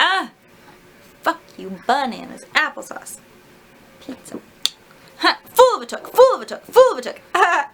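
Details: Adult woman with self-described Tourette's-like tics, undiagnosed, who can usually suppress them, during a difficult period; vocal tics.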